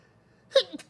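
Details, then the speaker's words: A streamer sneezes and says he is going to keep sneezing; one of several sneezes during a single live stream: sneeze. "gonna keep sneezing too. Fuck."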